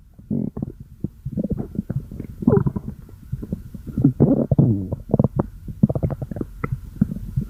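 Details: Stomach growling (borborygmi): low, gurgling rumbles and bubbling squeaks come in irregular bursts.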